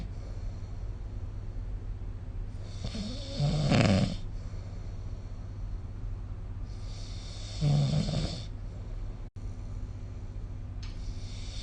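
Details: Snoring recorded with the SnoreLab app: two low, rumbling snores on breathing in, roughly four seconds apart, over a steady room hum.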